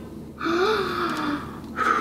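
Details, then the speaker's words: Child with sore throat and fever breathes deeply in and out through the mouth on request during lung auscultation: loud, forceful breath with a faint voiced tone, then another deep breath. "big breath so as big as you can in and out your mouth again"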